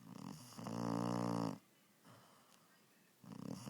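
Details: Loud buzzing, rumbling snore, then pause and next snore starting, from a sleeping puppy; snoring.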